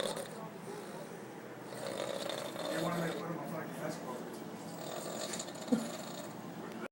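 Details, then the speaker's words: Man snoring on both inhalation and exhalation, asleep after having had one too many drinks: rough, rattling breath noise drawn in and pushed out, with faint room noise. "How the fuck is it that this dude can snore going in and out?"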